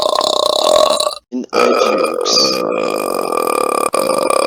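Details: A compilation of loud, long, rough, voiced belches, one after another with brief pauses between: burping.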